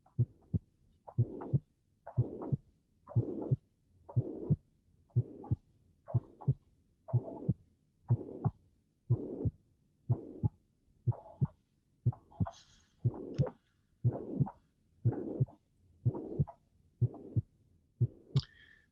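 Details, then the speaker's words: Tricuspid regurgitation, heart rate near 60 a minute: a murmur after the first sound that fades and returns from cycle to cycle with breathing (breathing effect, Rivero-Carvallo maneuver). "so let's listen the trichosphere regurgitation here you can see that you have a first sound second sound tracer regurgitation then it disappeared then you return then you disappear and this is due to the breathing effect"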